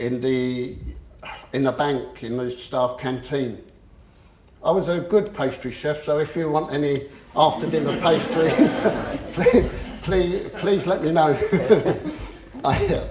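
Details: Adult male who stammers; he reports once swapping words and later using a breathing technique to control it; stuttering.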